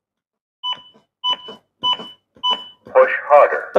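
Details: CPR metronome beeps from a ZOLL AED Plus during AED training, guiding compressions in 2-minute cycles after the voice prompt "no shock advised, perform compressions"; the trainer urges pushing harder, not faster.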